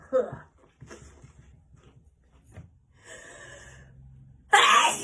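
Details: Person during an allergy attack while performing with a puppet: small, sharp sneezes, one near the start and a louder burst at the end, with soft breathing and faint music between.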